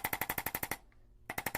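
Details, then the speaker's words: Rapid, evenly spaced mechanical clicks in two bursts with a short pause as an Arthrostim chiropractic adjusting instrument vibrates over a joint to put motion in it and help correct subluxations, without any joint pop. "a little vibration and feel a little vibration over the joint. We can use the arthrostim to influence the joint in the right direction and also put motion in the joint to help correct the subluxations."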